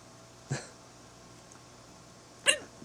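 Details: Adult woman with hiccups while her partner films and tries to help: two sudden, sharp, high catches of breath about two seconds apart.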